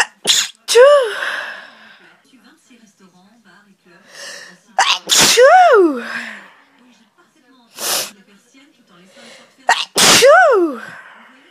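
Several sharp sneezes, about three, each with a quick indrawn breath and a loud voiced burst, with short pauses between.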